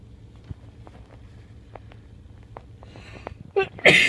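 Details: Person feeling sneezy, pulled over in a car on the way home from work: quiet noise and faint clicks, then a sudden sharp sneeze at the end.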